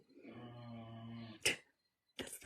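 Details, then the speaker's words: Steady low buzzing tone during one breath, then short breathy puffs, from a sleeping dog in a quiet room: snoring. "snoring did you hear that"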